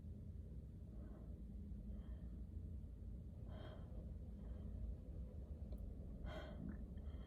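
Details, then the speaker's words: Adult with a cold, alone in a car parked in a parking lot with a runny nose: sharp indrawn breaths building to one forceful, messy sneeze over a low engine-like rumble; a cold sneeze. "especially since I turned the camera on this time like these sneezes have been like like rough as far as mess um"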